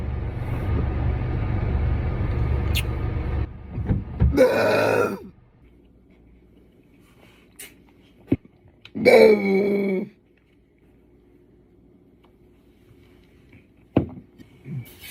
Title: KoolAid Soda Burping Compilation #burping #belching #koolaid #compilation #fyp #ytshorts #viral